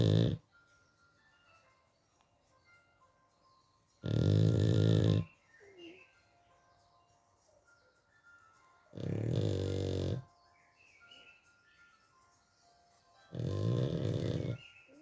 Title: Rocco the bulldog snoring